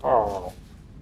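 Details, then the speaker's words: Stomach growling (borborygmi): a brief, low, gurgling rumble from a hungry adult man's stomach. "these guys got their weird German food scr here starving you can hear my stomach"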